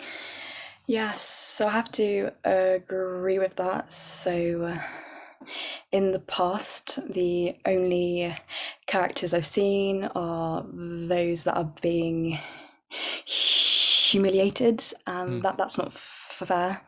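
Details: Adult woman who stammers, with repetitions and blocks, describing her speech as very overt; stuttering.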